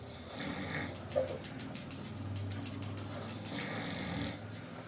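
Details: Adult man snoring during sleep: low, rattling breaths rising and falling over about two breaths with a faint fluttering quality; snoring.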